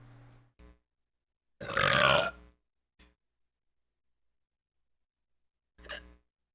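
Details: One loud, deep, drawn-out burp with a few shorter, softer burps around it; ordinary belching.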